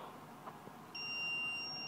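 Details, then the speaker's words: Steady high-pitched tone from an iPAD NF1200 AED connected to a defibrillator simulator set to normal sinus rhythm: the no-shock-advised alert after rhythm analysis, in a simulation. "this is a normal sinus rhythm do not touch the patient analyzing heart rhythm it should detect a no shock advice no shock advice"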